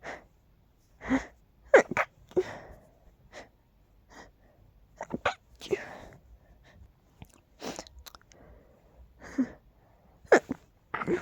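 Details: Repeated sneezes with sniffs and small breaths between them in a quiet room, from a person whose nose is tickly and stuffy all the time during pollen season; frequent allergic sneezing.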